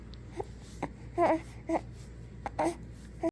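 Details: Infant hiccups: brief, sharp, repeated gulping sounds, about five in three seconds, with small cry-like voicing.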